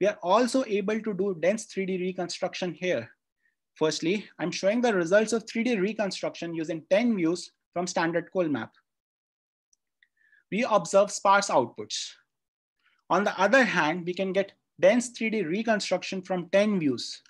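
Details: Adult speaker; ordinary speech.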